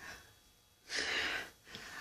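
A sharp, breathy intake of air lasting about half a second, followed by a shorter breath; an acted gasp before a sneeze.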